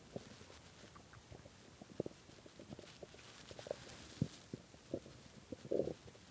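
Irregular gurgles, squeaks and rumbles from the belly, ending in a longer growl: hunger stomach growling, a normal bowel sound.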